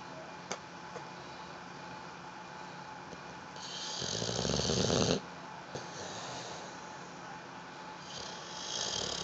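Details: Sleeping dog: a loud, rough snoring breath with quieter breathing and room noise around it; snoring.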